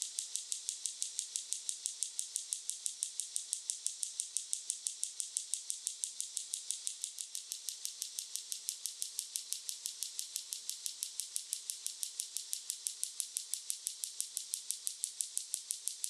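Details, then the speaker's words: Extracorporeal shockwave therapy handpiece fired at a medical spa as a demonstration after gel was applied, before treatment. Sharp, regular rattling clicks at about two per second; shockwave device firing. "“Tôi sẽ sử dụng sóng xung kích ngoại cơ thể. Âm thanh sẽ hơi to một chút.”"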